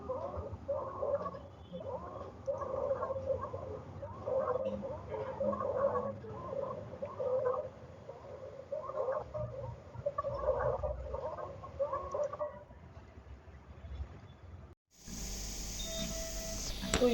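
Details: Stridor, presented in a pediatric newborn respiratory system examination.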